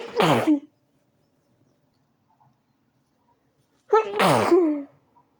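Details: A sudden short sneezing fit, with recording begun after it started: two loud, abrupt sneezes about four seconds apart, each with a voiced burst. Finding: sneezing.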